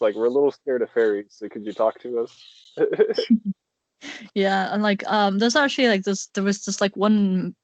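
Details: Adult conversational speech; no speech disorder.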